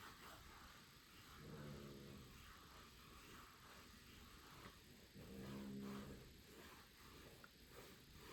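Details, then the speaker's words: Two soft, low rumbling snores about four seconds apart, roughly 15 breaths a minute, from a sleeping dog in the background over quiet room hiss; dog snoring. "As always, you can probably hear the pup in the background snoring."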